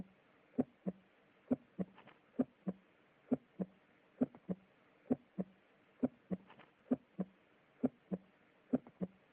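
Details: Educational auscultation recording of physiological heart sounds: regular paired lub-dub at about 66 beats a minute with clear gaps and no extra sounds; normal heart sounds.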